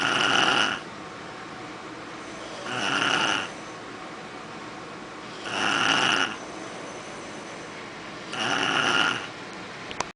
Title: snoring boy rocco